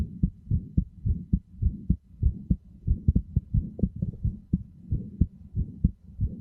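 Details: Steady, regular low thumping heartbeat with paired lub-dub beats at about 110 to 120 per minute, offered as a sleep aid, best heard with headphones.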